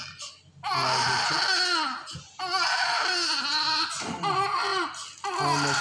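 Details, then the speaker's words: Loud, high-pitched newborn crying in four long bursts with short gasping pauses, in a NICU newborn with colicky abdominal distension being positioned for a glycerin suppository; pained infant crying from abdominal discomfort. "Now this is the correct drops as mean as drops remember in pain and gas blotting and [screaming] discomfort. Check the baby is very discomfort for us."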